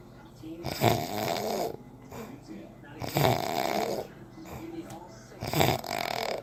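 Loud, rough, rattling snores with each breath in, about 25 a minute, with quieter breathing between them.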